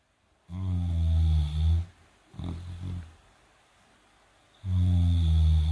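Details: 158-pound Great Dane–Mastiff cross dog snoring and dreaming during sleep: loud, deep rumbling snores on each breath in, softer snuffles between.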